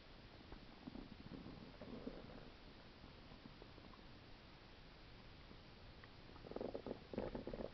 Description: Stomach Sounds cause by Stomach Ulcer